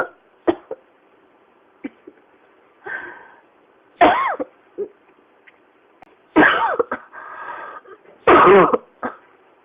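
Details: Persistent cough that won't stop: repeated harsh, forceful coughs with audible breaths drawn in between, recurring again and again.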